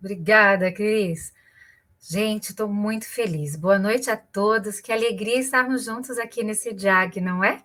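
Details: Adult woman speaking Portuguese; normal fluent speech.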